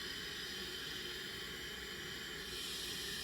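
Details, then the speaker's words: Steady airy hiss of oxygen flowing through a CPAP mask set at 12 litres per minute, in a demonstration of establishing CPAP for congestive heart failure exacerbation or flash pulmonary edema. "So we have our liter we have our flow set to 12 liters per minute."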